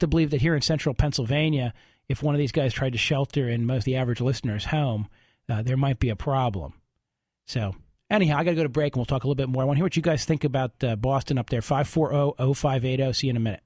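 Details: Adult male radio host; Normal speech.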